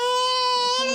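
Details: A toddler girl with possible croup and a phlegmy cough, seen by a GP, gives a sustained, high-pitched, steady tonal cry without breaks during a throat examination.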